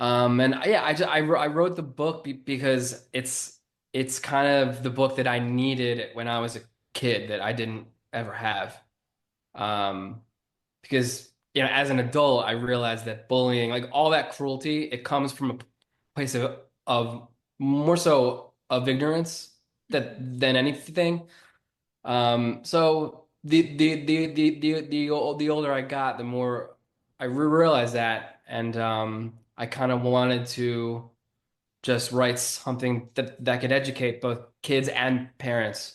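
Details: Persistent stuttering in an adult man who has stuttered since childhood and was bullied for it from about age six or seven until high school, with word and part-word repetitions.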